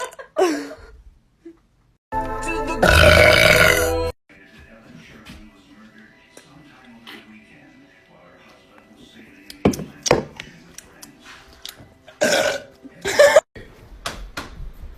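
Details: A girl burping: a loud, drawn-out belch of about two seconds, then shorter burps and laughter, with background music; ordinary burping.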